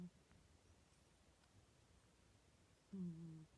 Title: My cat snoring for 43 seconds